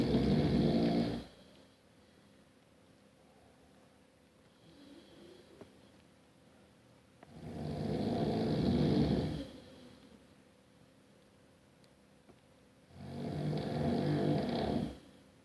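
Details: Adult man asleep in bed at night: loud, rattling snores on each in-breath about every six seconds (roughly 10 breaths a minute), with quiet pauses between; snoring.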